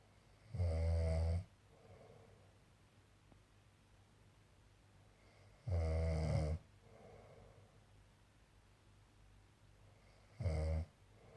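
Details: Male back home after being away for work, asleep: loud, low, rumbling snores at irregular intervals, about 12 a minute, with quiet breathing between. Snoring.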